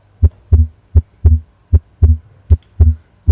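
Steady paired heart sounds at about 78 beats a minute, clean and without murmur: normal findings at the aortic area.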